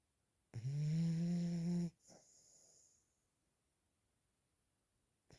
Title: snoring 😴